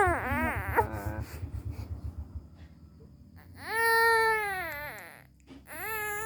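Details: Baby, just woken, made to cry by teasing until coughing; infant crying.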